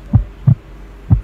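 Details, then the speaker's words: The speaker's own heartbeat, picked up by a microphone held against the chest while excited and sweating during a music video reaction: three deep, muffled thumps. "suara jantung aku nih. Tuh kayak gitu. Duk."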